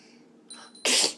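A short intake of breath followed by one sharp, hissing sneeze burst.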